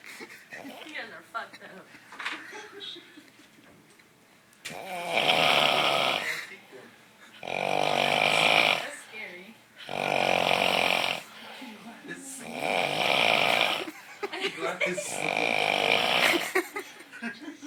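Loud, harsh, rattling snores, each lasting over a second, come about every two to three seconds, heavy snoring during sleep.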